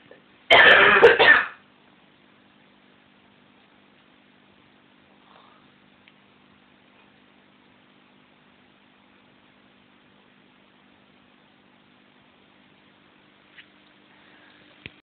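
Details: Cat dozing, known to snore: one loud, harsh, rasping burst about a second long, then near silence; a throat-clearing or snort-like sound.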